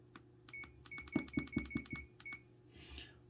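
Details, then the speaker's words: Rapid high-pitched keypad beeps and soft clicks as the arrow keys raise the bolus dose to 30 mg while a CADD PCA infusion pump is programmed for a morphine prescription (continuous rate 20 mg/hour). "Les bolus sont à 30 mg. On monte à l'aide des flèches jusqu'à 30 mg."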